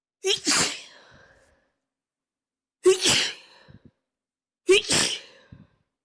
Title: some sneezes ✨